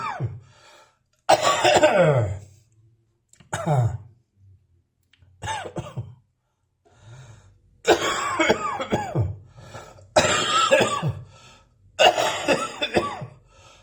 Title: Residual Dry Cough with Slight Wheeze